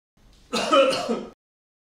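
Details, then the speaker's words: One brief, harsh cough-like burst from an adult, close to a throat clear, acted to demonstrate wrong and right cough etiquette; simulated cough. "this video will demonstrate the wrong and right a tickets of coughing and sneezing"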